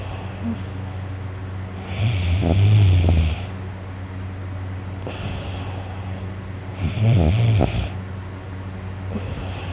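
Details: Very tired adult snoring loudly in sleep, with a sore throat from the snoring: two loud, low, rattling inspiratory snores about five seconds apart, with heavy breathing between (about 12 breaths a minute).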